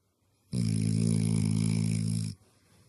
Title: Sleeping beauty snoring beast 😂